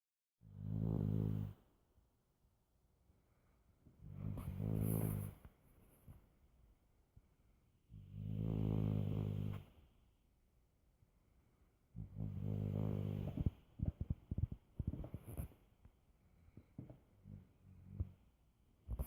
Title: snoring